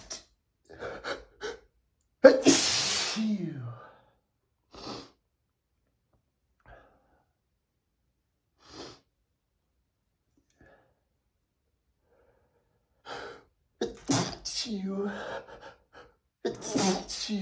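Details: Male stifling a rapid sneezing fit: a run of muffled, held-back sneezes with about three louder ones let out fully because they wouldn't stop.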